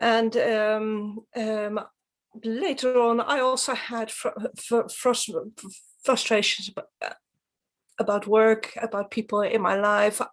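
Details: Adult woman from Sweden who stutters and is a stuttering advocate; stuttering once severely harmed her mental health, and she later received help; stuttering.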